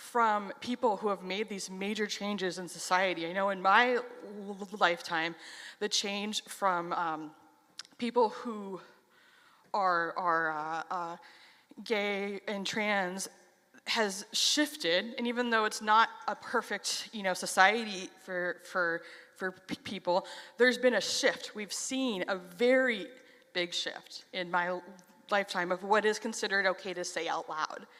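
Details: Stuttering in a 33-year-old adult who has stuttered since age 6; reports stuttering less on stage than in casual videos.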